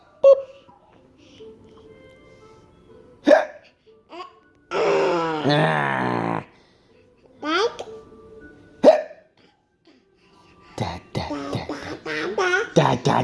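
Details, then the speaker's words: Baby with hiccups: four sharp, abrupt hiccups spaced several seconds apart, between an adult's playful encouraging voice and baby babbling; ordinary hiccups. "I go. You can do it. You can do it. Good hiccup."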